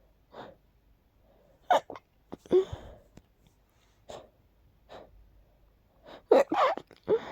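An adult's sneezes, each preceded by quick catching inhalations, with one partly held sneeze before the full ones.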